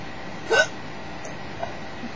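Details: A single sharp, brief voiced hiccup against quiet room noise, during a bad, painful bout of hiccups that the person says interrupt their breathing.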